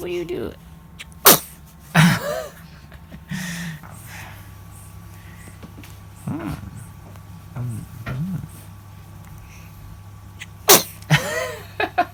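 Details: 2-month-old baby sneezing repeatedly: several small, sharp infant sneezes with soft baby sounds and adult voices in the room.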